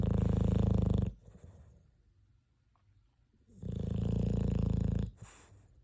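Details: Snoring, recorded October 2023.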